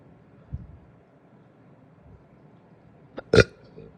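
A soft low gulp, then a short catch and a loud throaty burp; ordinary belching after a meal.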